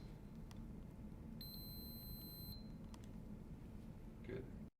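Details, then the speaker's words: Single steady one-second electronic beep over room hum as an Infinity EnteraLite Orange enteral feeding pump for a child is turned off by holding the on/off button after the feed ends; pump power-off beep. "When the feed is done, turn the pump off by holding the on off button"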